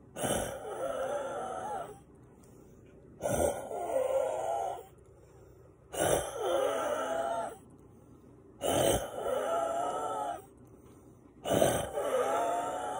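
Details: Adult wakes at night or morning with labored, congested breathing, gasping for air; sinuses and lungs congested with mucus; normally relieved by breathing-machine medication. Five effortful gasping breaths in 13 seconds with wavering wheezy, rattling tones.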